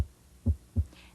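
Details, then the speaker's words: Normal second heart sound (S2) best heard at the heart's base, right second intercostal space near the sternum, with stethoscope diaphragm and bell: two short, low sounds of aortic and pulmonic valve closure at end of ventricular systole. "S2 is best heard at the base of the heart and corresponds to pulmonic and aortic valve closure at the end of ventricular"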